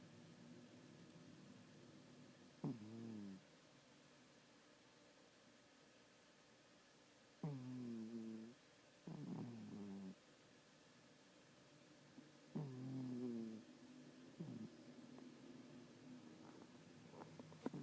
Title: Kompis Snoring Loudly